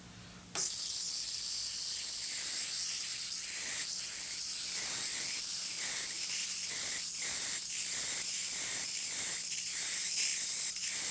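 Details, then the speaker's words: Ultrasonic scaler removing heavy stain from a tooth, demonstrated from an angle not possible in the mouth: a steady high hiss with rhythmic swishing from back-and-forth wiping strokes of the tip. "it's just a matter of using the tip of that instrument just using it with a wiping motion back and forth until all of the stain is removed"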